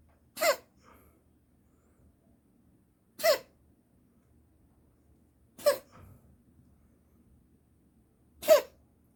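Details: Four brief, sharp hacking bursts every two to three seconds in a quiet room; a cat's recurring cough again in the morning, cause unclear, vet found nothing abnormal, owner considers herpes or asthma; cat cough.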